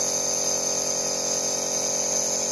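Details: MEYOU B11 compressor nebulizer with medicine liquid in the cup, running and producing mist: a steady, high-pitched mechanical hum with hissy airflow.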